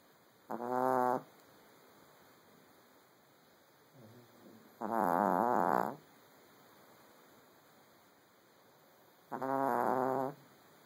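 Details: Three loud, buzzing, vibrating breaths at regular intervals, about thirteen a minute, from a sleeping Chug (chihuahua-pug mix) dog: loud snoring.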